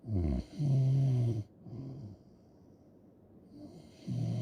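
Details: Loud rattling snores, each a rough vibrating breath in, separated by quieter breathing; loud snoring.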